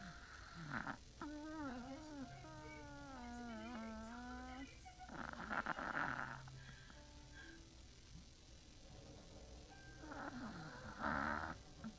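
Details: A sleeping chihuahua gives loud, rough snorting snores about every five seconds, with a high whistling nasal tone between breaths: loud snoring.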